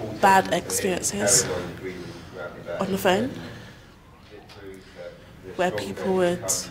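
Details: Stammer (stuttering) in a woman nearly 25 years old.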